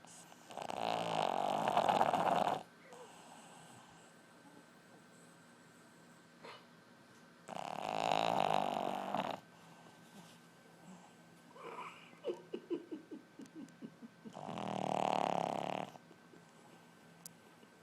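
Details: Loud snoring: three long, rough snoring breaths about every seven seconds, with a brief sputtering snort between them; snoring.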